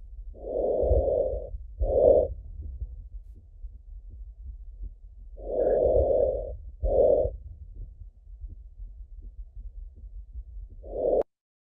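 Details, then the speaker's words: Simulator manikin heard through an amplifying stethoscope turned up loud: soft, even breath sounds in slow cycles. Normal lung sounds. "so I had to turn that up really loud so that everybody can hear it across distance but that's essentially what normal lungs sound like when you're listening with our stethoscope"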